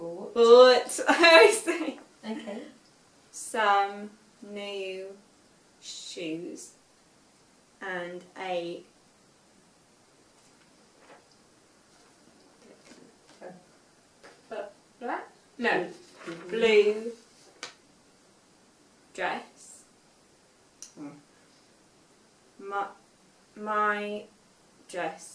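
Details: Young woman, 5 years after a stroke at age 18, reading aloud an unseen text; reading has been difficult since the stroke; aphasia.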